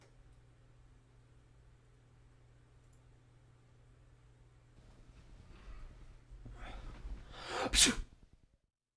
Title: SNEEZE (Short-Action Film)